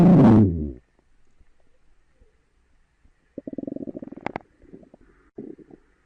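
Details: Stomach growling (borborygmi): a short loud burst, then quiet, followed by rapid low bubbling gurgles and a brief second rumble.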